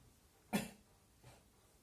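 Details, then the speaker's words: Adult male patient, still short of breath with retained sputum, performs a nurse-guided effective cough technique: deep breath, hold 3 seconds, then a single firm cough followed by a faint softer sound; a little sputum comes out. "Tarik nafas, tahan 3 detik. 1, 2, 3, dibatukan Pak."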